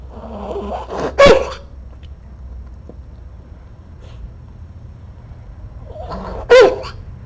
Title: Snarfly sneezes evening 2016-07-06